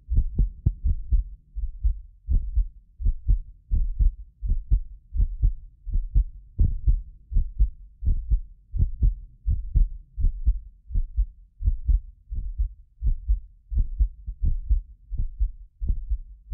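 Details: Heartbeat of a self-described medically fit person, recorded with several precision contact microphones for ASMR: regular low lub-dub at about 83 a minute; occasional doubled clicks come from a ~6 ms delay between microphones; normal heart sounds.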